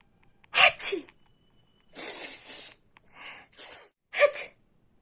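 Several sharp, breathy bursts in a quick series, each with a brief intake before it. This is repeated sneezing, possibly acted out for comedy.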